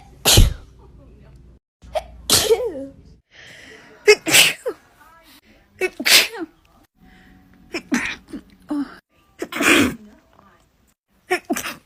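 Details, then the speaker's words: Woman with bad allergies and swollen eyes: a compilation of about eight sharp sneezes, some preceded by quick indrawn breaths, with short pauses between. "This is a compilation of me sneezing."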